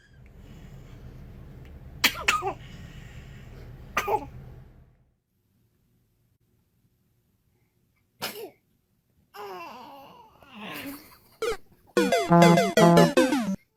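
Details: Baby sneezing: two short, sharp infant sneezes over room noise, then adult voices and music.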